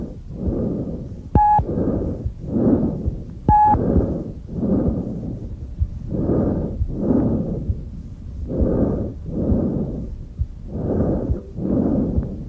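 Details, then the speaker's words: Normal tracheal breath sounds heard over the extrathoracic trachea in the neck: very loud, high-pitched, harsh and hollow, in steady paired cycles, with expiration slightly longer than inspiration. "tracheal breath sounds not usually auscultate 'add are present over the extra thoracic portion of the trachea they are very loud very high-pitched and have a harsh hollow quality the expiratory phase being slightly longer than the inspiratory phase"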